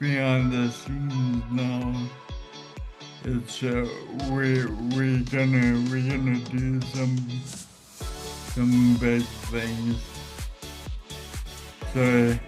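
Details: Adult man with Friedreich's ataxia causing ataxic dysarthria; ataxic dysarthria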